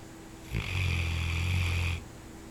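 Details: A sleeper snoring, described as mild compared with nights it keeps the owner awake: a single deep, rumbling snore about one and a half seconds long against a steady hum.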